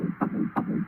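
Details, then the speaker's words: Rapid rhythmic whooshing pulses over a low hum, an early fetal heartbeat played back from a Doppler ultrasound shown as a court exhibit; finding: fetal heartbeat on Doppler ultrasound. "e heard the sound at the beginning of the ultrasound what was that that was the heartbeat and does that sound actually originate from the child that's being played back through the ultrasound yes it is"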